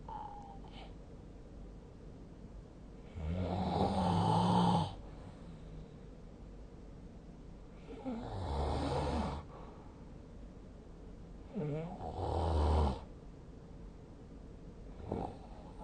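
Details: Three loud, rough, low-pitched snores during sleep, recurring about every four seconds against quiet room noise: snoring.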